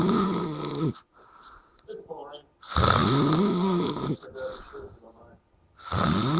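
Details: Person after a night out snoring loudly: rough, rattling snores on each in-breath, about three in six seconds, with quiet gaps between; snoring.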